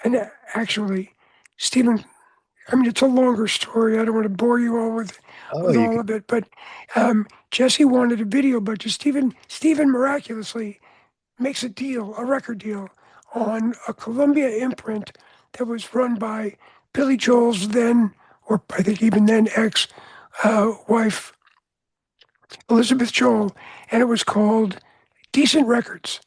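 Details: Adult man whose voice was altered by throat cancer treated with surgery, radiation and two years of experimental chemotherapy, with no recurrence since; voice change after throat cancer treatment.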